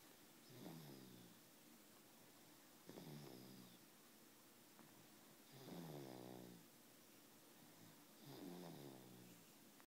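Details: Sleeping baby snoring: soft, regular snores on each in-breath, about four in ten seconds, with a quiet steady hiss behind.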